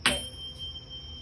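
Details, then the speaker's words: A tuning fork is struck and placed on top of the patient's head for the Weber hearing test during a HEENT exam, giving a sharp strike followed by a thin, steady high ringing tone. The patient reports hearing it equally in both ears. "so what i'm going to do is make it make some noise put it on the top of your head and you let me know if you hear it go through both ears okay"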